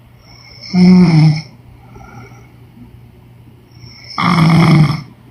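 Two loud, rough snores on breathing in, about four seconds apart, with quiet breathing between; ordinary snoring.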